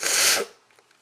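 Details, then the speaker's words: Person with allergy-triggered sneezing through the day (flowers, dust, plants), with itchy mouth: one short, hissing burst of air that fades quickly, a sneeze. "over the course of the day sometimes I get really really Sneezy different really really irritate me make me these a lot it just depends sometimes it's flowers and sometimes it's like dust or plants or whatever"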